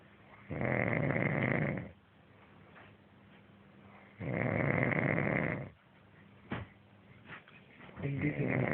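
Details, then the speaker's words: Loud, rough rattling snoring on each breath in, about every 3.5 seconds with quiet pauses, in a small quiet room, from a friend who denies that he snores. "Él dice que no ronca y está roncando."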